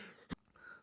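A single short, harsh cough burst with a deep, bark-like, seal-like quality in a quiet small room: a croupy, barking cough.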